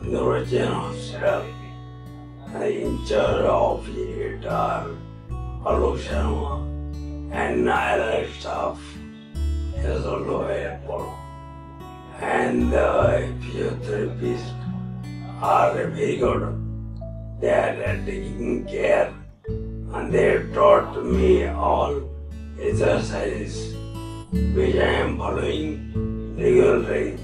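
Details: Ataxic dysarthria in a male patient with cerebellar ataxia, speaking after cerebellar ataxia treatment; his speech and truncal ataxia are reported to have reduced after treatment.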